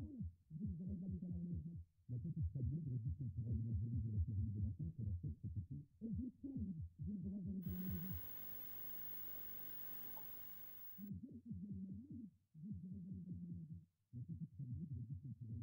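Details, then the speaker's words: Simulated severe to profound hearing loss, mid and high frequencies cut so only lows pass: muffled, booming speech with no understandable words. "On remarque la difficulté de compréhension à partir du moment où il y a une intensité de perte importante, puisque dans les cas des surdités sévères et profondes, absolument aucun message compréhensible ne passe."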